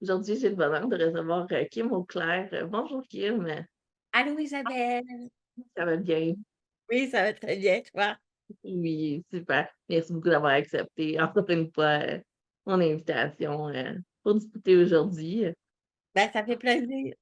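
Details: Adult women in French conversation; Ordinary conversational speech.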